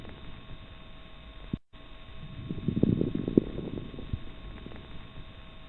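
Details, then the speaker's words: Coarse crackles in lung sounds: low-pitched, bubbling pops clustered during one breath over faint hum, less intense and longer than fine crackles; associated with congestive heart failure and pneumonia. "as noted on the previous display coar crackles are in general lower pitched less intense and of longer duration than fine crackles the most common conditions associated with coarse crackles are congestive heart failure and pneumonia"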